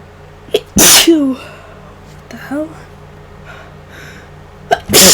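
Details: Two loud, explosive, induced sneezes, each with a short inward breath before it, in a person sick for about 5 days with a worsening, possibly flu-like illness and new nasal congestion.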